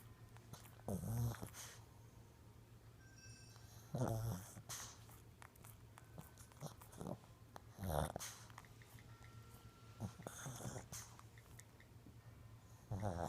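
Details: Sleeping Shih Tzu dog: low rumbling snores roughly every three seconds, about 20 a minute, over steady room hum; snoring.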